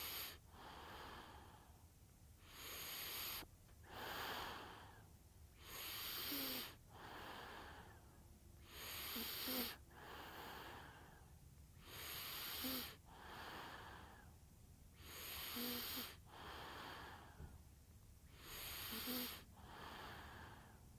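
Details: Baby sleeping sound effect: slow, even sleep breathing at about 19 breaths a minute with a faint snoring or whistling note on some breaths; infant sleep breathing with light snoring.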